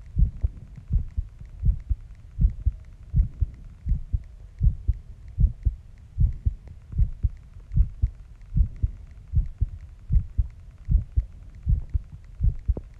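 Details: Heartbeat recorded after a shower: steady low lub-dub heart sounds at about 77 beats a minute, with faint background hum.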